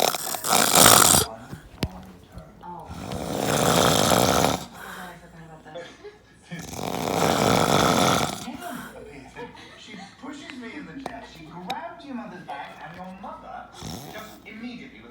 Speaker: Hey everybody, my dad is asleep, so yeah, I'm doing a video of it.